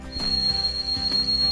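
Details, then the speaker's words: Simulated tinnitus: a steady, piercing high-pitched ringing tone, one example of how people with tinnitus describe what they hear. "people who experience tinnitus described with a hear in a variety of different ways some experience a high-pitched ringing sound something like this"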